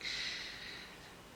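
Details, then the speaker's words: A sleeping dachshund snoring in a quiet room: a single airy, snorting breath that fades away; light snoring. "So again, I'm going to use my pencil. He's still snoring."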